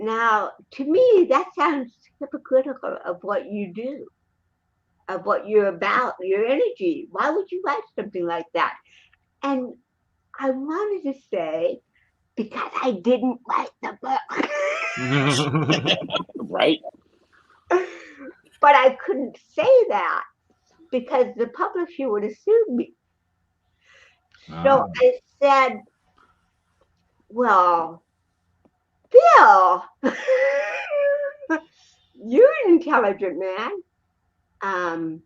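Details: Adult woman with cerebral palsy; dysarthria (cerebral palsy).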